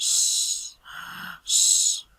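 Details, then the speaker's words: Simulated: a lecturer imitates wheeze with dyspnea. Loud, hissing, whistling breaths in and out mimic laboured, rapid breathing in a tachypnoeic patient, as in pulmonary or cardiac asthma or a nervous crisis. "pero mientras se los voy a hacer la onomatopeya de lo que es una sibilancia. Es como un silbido, y escuchen esta disnea,"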